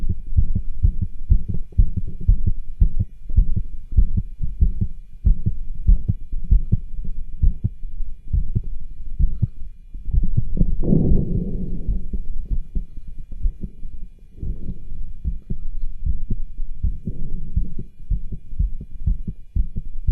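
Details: Cardiology stethoscope auscultation over tricuspid, aortic and pulmonic areas while the patient does pushes to accentuate heartbeat; extra rubbing, whooshing noise between beats, murmurs and rub clearest over the pulmonic area.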